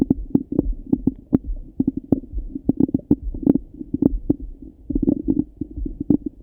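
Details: Morning stomach rumbling through a stethoscope: frequent gurgling, bubbling active borborygmi.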